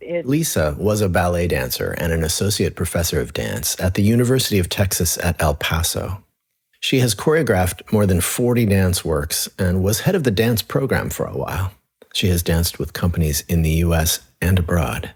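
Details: Adult male narrator; ordinary speech.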